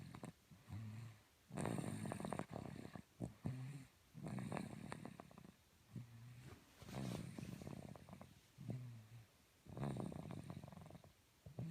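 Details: Snoring during sleep: low, rattling snores on each breath in, alternating with quieter breaths out, about 22 breaths a minute.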